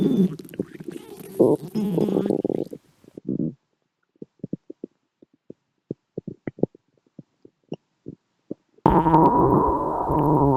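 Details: Short gurgling pops and low bubbly rumbles of stomach growling, with background music between them; ordinary borborygmi from gas and fluid moving through the gut.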